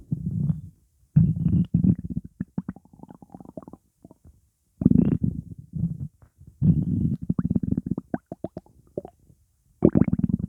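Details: Low gurgling rumbles in bursts with bubbly pops from moving gas and fluid; gas after eating pizza; borborygmi (stomach rumbling).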